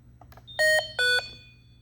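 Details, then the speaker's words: Hamilton T1 ventilator yellow alarm, meaning action is needed: two clear electronic beeps, the second slightly lower. "there's two different types of alarm you'll get there's a yellow alarm which means you need to do something they will beep"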